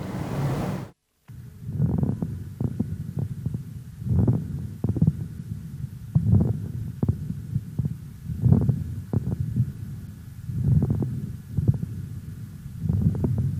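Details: Paediatric chest auscultation teaching: breath sounds at about 27 a minute with short, soft, scattered popping clicks through each breath, like Velcro pulling apart: fine crackles.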